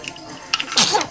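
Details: Baby girl just waking up: a single brief, sharp infant sneeze followed by a short voiced cooing sound.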